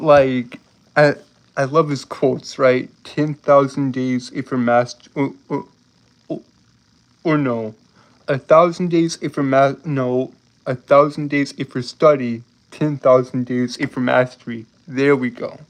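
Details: Adult man with a lifelong speech impediment that makes him stutter and trip over his words; stuttering.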